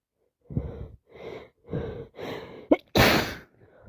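Several short breathy bursts followed by a sharp sniff and a loud explosive sneeze, fitting repeated sneezing and sniffing with a head cold.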